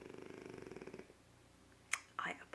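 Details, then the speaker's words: A pet asleep on the seat next to the speaker gives a soft, rapid, fluttering snore lasting about a second, then quiet room noise and brief rustles. "it took me almost ten minutes to bike and peg is snoring away and the seat next to me"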